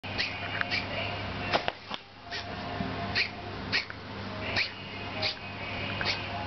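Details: Cat with coughing fits after surgery to remove cancerous breast tumors: a run of short, sharp hacking coughs in quick succession.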